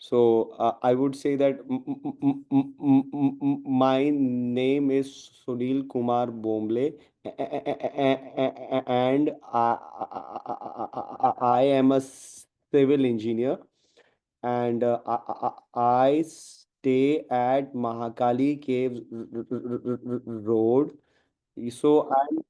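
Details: Man who stammers deliberately producing voluntary stammering, tense and tight, about every four or five words, to replicate his real stammer; acted stuttering (voluntary stammering).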